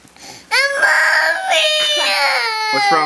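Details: Young child crying: loud, sustained wailing in a small room, with a brief sob and catch near the end; ordinary crying.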